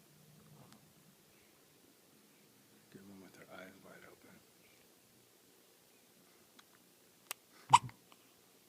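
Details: Quiet room with faint soft voices, then one sharp, abrupt gulping hiccup near the end: hiccups.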